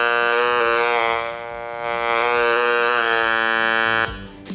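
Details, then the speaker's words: Romet R210 analog electrolarynx demonstration: the start button activates an internal coil, giving a robotic voice. A steady, loud mechanical buzz dips and returns as the volume wheel is adjusted. "є кнопка запуску завдяки які активується робота катушки всередині Та ми чуємо роботизований голос пацієнта"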